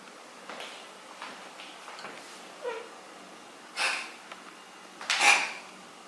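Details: A cat coughing in a quiet room: two sharp, harsh, noisy bursts with faint wheezy tones, following softer snuffling and clicks.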